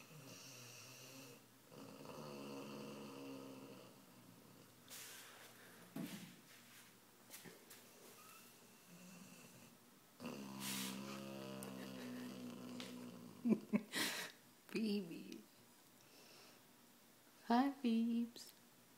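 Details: Phoebe sleeping in a quiet room: slow, soft snoring breaths with a fluttering buzz, broken by snorts and a few sharp snuffles; snoring.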